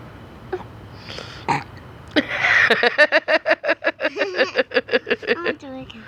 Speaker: I gotta burp. Burp the soda. Burp the soda. It's a soda burp.